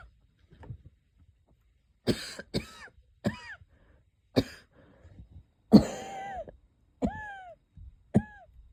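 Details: Light, short wheezy coughs, some ending in a brief whistling tone, with a couple of stifled sneezes, in a quiet room; person unsure whether a cold or an asthma flare-up; wheezy cough.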